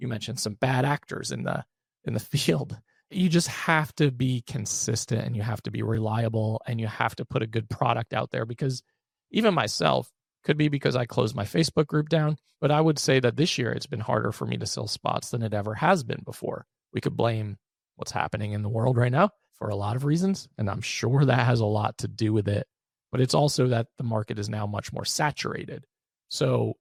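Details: Adult male with unilateral vocal cord paralysis after open throat surgery for a rare chronic recurring throat condition (endoscopic surgery 2021, recurred within 4 months); voice improved but still has vocal fry and gives out for the day once tired.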